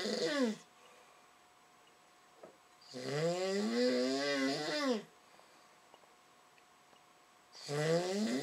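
Long, loud, rattling snores about 2 seconds each, with quiet pauses between, roughly 15 a minute: snoring.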